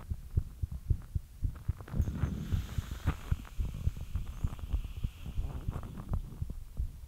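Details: Heartbeat after light exercise: rapid, somewhat uneven, low thumps at about 110 a minute over a steady hum; a fast heartbeat, a normal response to exercise.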